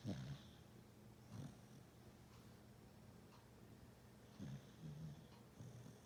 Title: snoring zzz